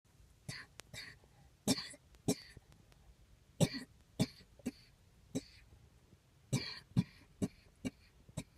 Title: coughing